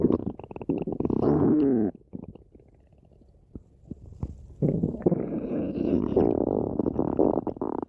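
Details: Loud gurgling, bubbling rumbles with a squeaky rising gurgle, a quiet pause with soft pops, then a long burbling growl: ordinary stomach growling (borborygmi).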